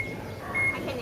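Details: Mated sow checked with a D-mode ultrasound pregnancy detector: clear, high electronic tone over low room noise, signaling this sow is pregnant.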